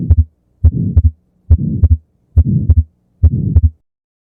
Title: Murmur of ASD and Wide fixed splitting of second heart sound (S2) |Use Headset for better experience